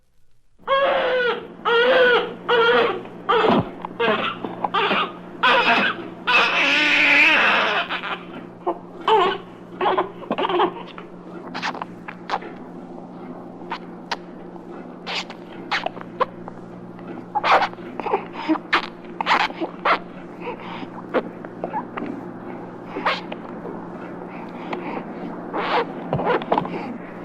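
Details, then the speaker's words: A young infant's hunger cry in loud rhythmic bursts, quickly settling into rapid sucking and gulping while feeding, over a steady background hum, from a 1967 recording: a hunger cry relieved by feeding. "Here is the most commonly recurring crisis in the life of young infants. Hunger. Stark hunger. But notice how quickly that was cured, and how equally loud the sounds of satisfying that hunger were."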